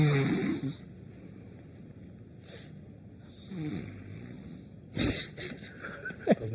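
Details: Loud, rough open-mouth snoring with rattling breaths, separated by quieter breathing, with some room noise.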